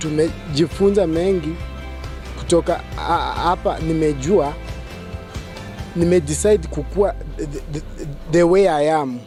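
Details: Self-identified person who stammers, who substitutes difficult words; stuttering.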